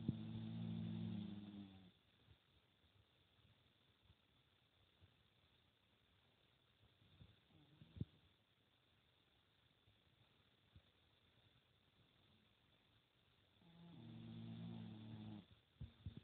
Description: Jasper the dog snoring like a human